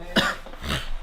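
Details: Single abrupt, explosive sneeze followed by a brief exhale from a male pro gamer on a live stream.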